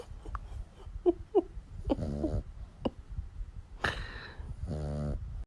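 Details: Sleeping dog snoring: snorting, fluttering breaths with soft clicks and two rumbling snores.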